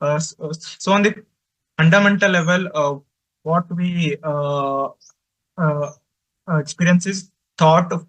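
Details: Adult man who says he stutters and finds speaking with different people difficult; stuttering.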